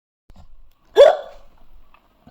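A single sharp, abrupt voiced 'hic' sound from an adult, a typical hiccup.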